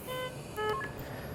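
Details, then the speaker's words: Puritan Bennett 840 ventilator in pressure control mode sounding two rounds of clear electronic alarm tones for high (large) tidal volume and minute volume while the patient is fine; high tidal volume alarm. "so I'm getting alarms for large tidal volume okay well let's troubleshoot that patients fine"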